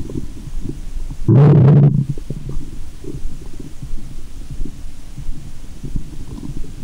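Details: Adult woman's abdomen heard through a stethoscope in the belly button after eating candy and drinking fizzy soda: loud low gurgling rumble then softer bubbling; active bowel sounds (borborygmi).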